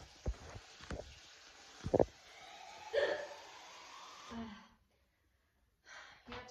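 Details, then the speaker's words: Adult woman with hiccups at about 2 a.m., before trying a water-drinking cure: brief, abrupt gulping catches about once a second, with breath and room noise: hiccups. "super late yeah really late two like 2 o' in the morning no not yet and I have hiccups and I was going to show you a technique that gets rid of hiccups"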